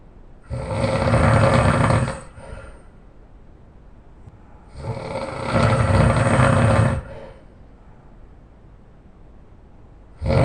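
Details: Very loud snoring in a sleeping person: rough snores with each breath in, separated by quieter exhalations in a small room; heavy snoring during sleep.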